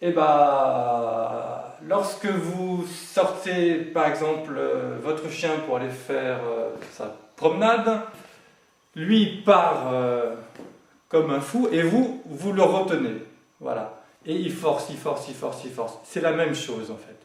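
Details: Adult French-speaking man who has stuttered since childhood, for decades, and says he now manages to speak through it; stuttering.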